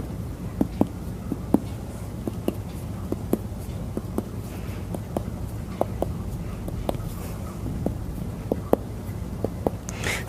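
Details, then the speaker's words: Doctor finger-percussing the abdomen in all four quadrants during a head-to-toe exam after bowel auscultation: steady series of short, hollow taps, brief rustle at end; normal resonant abdominal percussion note. "hepatic resonant note was heard in all four quadrants percussing for the liver"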